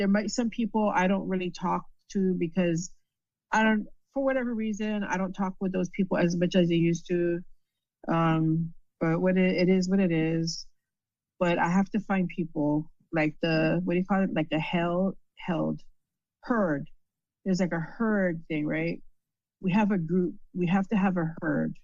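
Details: Woman with aphasia after a stroke, with difficulty understanding in meetings and needing repetition; conversational speech; aphasia.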